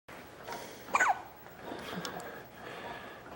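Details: 12-day-old baby boy with a bout of hiccups, given a pacifier: a single sharp, squeaky hiccup against quiet room noise, with softer breathing around it.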